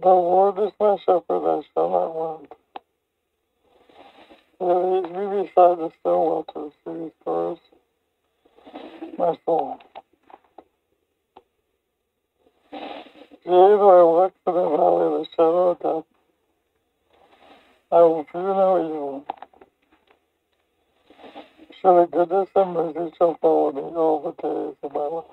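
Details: Speech of a man with ALS reading aloud while wearing a non-invasive ventilation partial full-face mask that sits below the nose, which he says inhibits his speech; various microphone setups are used; dysarthria in ALS.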